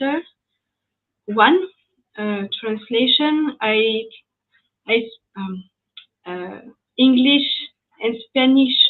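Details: French woman with aphasia after an ischemic stroke at age 22 in July 2011; mute for 10 days, then a year of rehabilitation, still recovering speech; speaking English, a second language; post-stroke aphasia.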